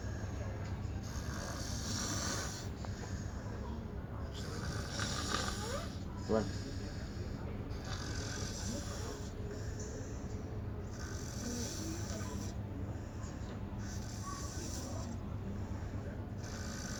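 Rough, rattling breathing noises repeat roughly every couple of seconds over steady room noise: snoring during sleep.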